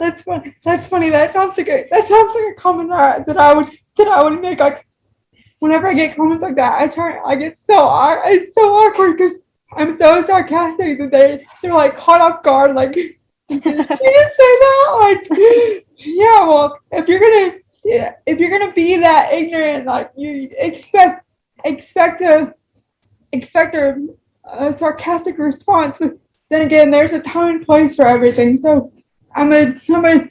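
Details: Woman with cerebral palsy whose spasticity affects her speech, speaking with spastic dysarthria.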